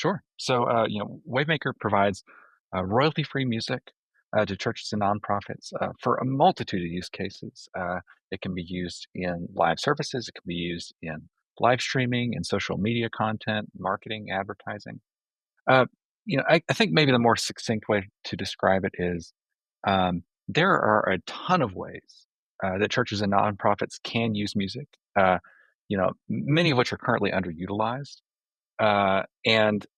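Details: Adult man speaking; normal voice.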